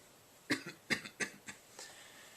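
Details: 31-year-old man with Tourette syndrome and probable OCD, mostly motor tics plus coughing vocal tics: four short, sharp cough-like bursts then a faint fifth; coughing vocal tic.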